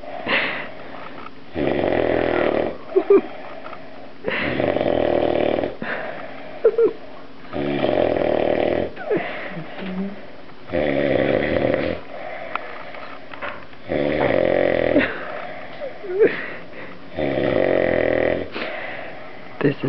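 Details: Loud snoring while sleeping it off after a night of partying: loud, rattling snores on each breath, about 19 a minute, with a wheezy whistling quality and quieter breaths between.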